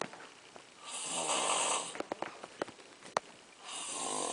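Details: Snoring from a sleeping "bear" during a puppet show: loud, rough snores on the in-breaths with a quieter, breathy stretch between them.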